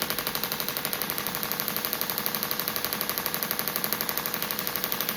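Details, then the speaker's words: Perimenopausal woman self-treating her shoulder (old posterior dislocation, humeral head injury) with radial shockwave at low setting, about one bar, 12 Hz, ultrasound gel, tip of shoulder into biceps tendon: rapid steady clicking pulses. "I've got it set quite low on the settings. Um and we're you'll hear like a click noise."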